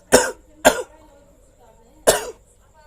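Three short, sharp coughs from an adult, two close together and one after a pause.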